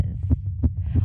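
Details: Rapid, regular low thumps at roughly 180 a minute, picked up by a microphone: a very fast, excited heartbeat of a girl, elevated throughout a performance.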